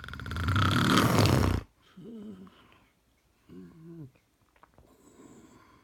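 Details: Sleeping man, one loud rough snore, then softer fluttering breaths with a whistling, wavering tone; snoring.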